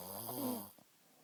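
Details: Sister caught snoring: a single short rattling, buzzing breath sound that fades into quiet; one snore.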